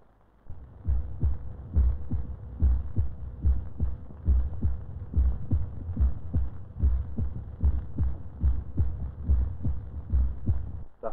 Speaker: there is one heart sound as the ventricles contract and a second when they relax and the semilunar valve snaps shut